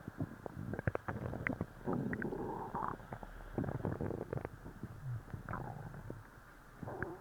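Loud, irregular gurgling and rumbling bowel sounds with bubbly pops, active stomach growling after a laxative.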